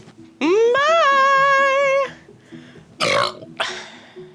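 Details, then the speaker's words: After drinking a bunch of Topo Chico mineral water to make a big burp: one long, loud, voiced burp lasting over a second, then short breathy sounds; belch. "Should we drink a bunch and then have a big burp? Should we? I think we should."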